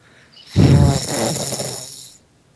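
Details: Person who fell asleep during a Skype voice call: one loud, rough, rattling breath lasting about 1.5 seconds; snoring.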